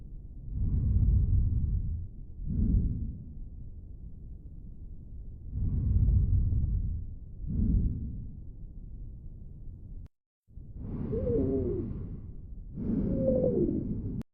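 Rough breath sounds through a stethoscope, with later breaths carrying a high, musical whistling tone: stridor.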